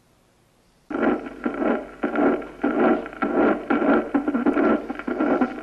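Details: Early systolic murmur (acute mitral regurgitation).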